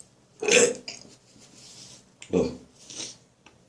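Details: Two harsh, rough throat-clearing bursts with faint breaths between them, during an ongoing morning bout of dry coughing and gagging after bronchitis; dry post-bronchitis throat clearing.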